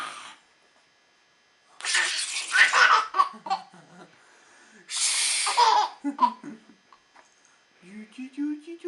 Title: Baby laughing at Daddy sneezing